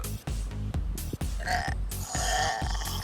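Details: A long, loud, two-toned deliberate burp during a burping challenge to burp as loud and long as possible, heard over background music.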